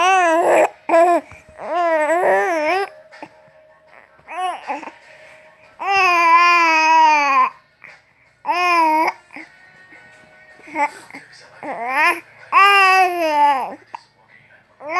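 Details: Baby crying, angry when his cellphone is taken away: repeated loud, fussy crying bursts with pauses between them, sounding upset.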